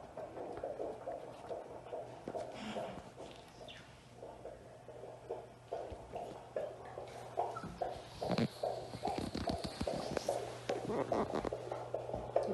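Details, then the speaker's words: Fetal heartbeat at about 31–32 weeks of pregnancy, found instantly by the midwife with a doppler scanner: rapid, regular whooshing pulses, roughly 140 a minute, with handling noise. "I'll insert a clip now of baby's heartbeat, and it is just the most beautiful sound ever."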